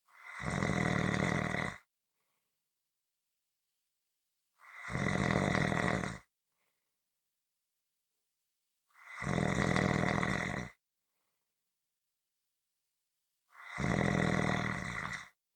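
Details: Steady, coarse rhythmic snoring, about 14 snores a minute with quiet gaps between them; relaxation audio recording.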